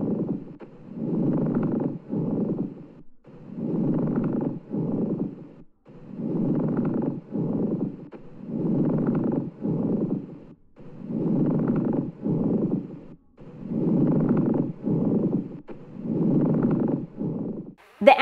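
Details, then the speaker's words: Pleural friction rub: harsh, dry grating, crackling sounds with each breath in and out, linked to loss of lubricating pleural fluid and inflammation, best heard over the lower thorax. "friction rub this sound is a harsh dry grading sound that has a crackling sound this sound is correlated from loss of lubricating Pleural fluid and from inflammation"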